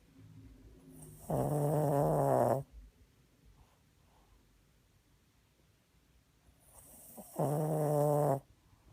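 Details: Snoring during sleep: two long, loud, buzzing snores about six seconds apart with quiet breathing between, roughly ten breaths a minute.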